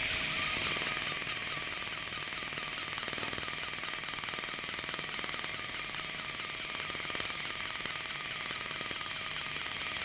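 Rapid, steady crackling pops, about four a second, over a loud hissing spray: a dental laser cutting tooth with water cooling.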